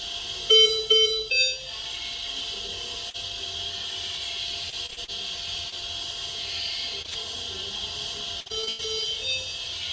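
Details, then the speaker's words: Noise inside a neonatal incubator in NICU care: a constant hissing from air pumped in and the warming element, with repeated high heart-monitor alarm beeps. "what you're hearing is the noise inside of an inator so that noise a constant heart monitor alarm under babies crying people talking this constant sh sound which is the air being pumped into the incubator as well as the warming and heating element to keep the baby warm"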